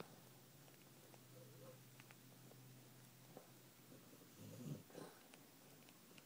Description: Millie snores for England